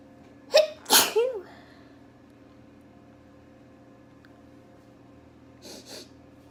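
A quick run of two or three sharp sneezes, then quiet room hum and a soft sniff near the end.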